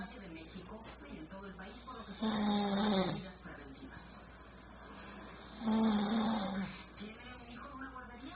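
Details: Two loud, rough inspiratory snores about three seconds apart, with quieter breathing and faint room noise between: snoring.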